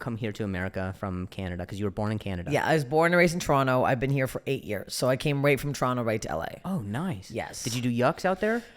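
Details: Adults in conversation; typical speech.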